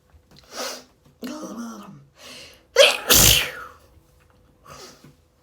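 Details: Allergy sneezing fit, rapid and intense: several sneezes in quick succession with short gasping intakes between them.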